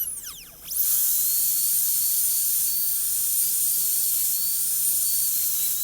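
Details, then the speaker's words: Lab T-shaped cavity preparation on an ivory training tooth: high-pitched whine of a high-speed dental handpiece spinning up and running steadily, used with light touches to finish and even out cavity depth; high-speed dental handpiece. "if i have any adjustments to make i'll go ahead and take my high speed handpiece but this time i'm not going to press all the way inside see this is drilling this is for finishing simple touches on the paddle"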